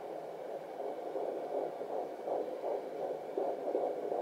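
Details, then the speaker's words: Home Doppler at about 15 weeks of pregnancy. Fast, soft rhythmic whooshing, read at 142 beats per minute. Fetal heartbeat on Doppler. "Pretty cool, you can just listen to that whenever you want. You can find it. This is 142 that time."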